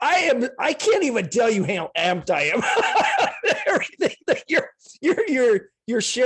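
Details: Adult speaker; Normal speech.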